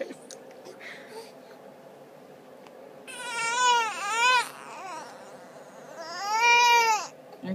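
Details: Baby girl gives two rising-and-falling wails after a quiet stretch in a small room; an ordinary hunger cry while being encouraged to eat.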